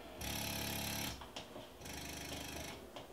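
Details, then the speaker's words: Spectra S2 electric breast pump running at its maximum vacuum setting of 12, described as quieter than a Medela; rhythmic mechanical whirring in long pulses with short pauses, the cycling suction of the pump. "So I'm gonna keep turning it up, turning the whatever this thing is, vacuum up. So this goes all the way up to a 12. I think you should be able to hear that 12 is loud."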